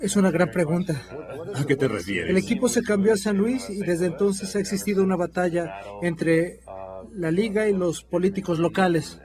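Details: Adult speaker; normal speech.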